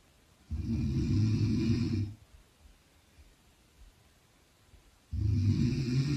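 Two loud, rough, low rattling snores about four seconds apart, with quiet breathing between; typical snoring.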